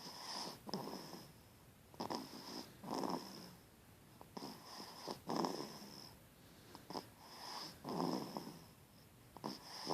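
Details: Rhythmic snorting, rattling bursts with each breath, about 24 per minute, over quiet room noise; snoring.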